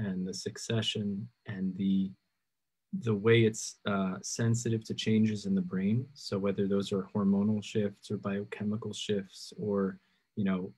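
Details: Adult male speaker; typical speech.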